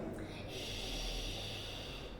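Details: Aphonia about two months after a cold and fever, before voice therapy; patient attempts the vowel 'ee' on prompt, producing only breathy, voiceless sound.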